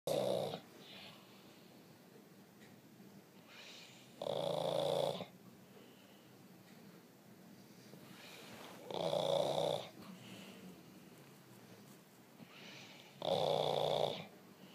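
Regular rough snores about every four and a half seconds, roughly 13 breaths a minute, with softer breathing between; ordinary snoring.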